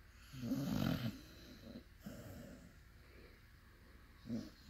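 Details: A sleeping puppy makes rough, irregularly spaced snorting sounds; snoring.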